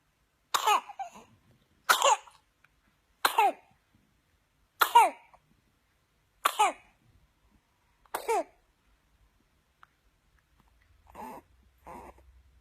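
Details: An infant with fatal whooping cough gives six harsh coughs in a rapid paroxysmal run, then two fainter strained breaths.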